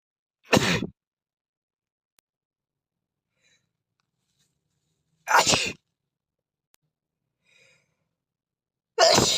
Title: Asian Boy Sneeze Competition